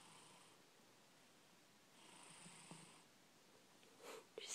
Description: My cat Ashley snoring and purring so flippin cute